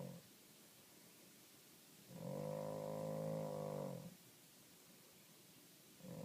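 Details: A long, deep, droning snore lasting about two seconds, with quiet between breaths; snoring.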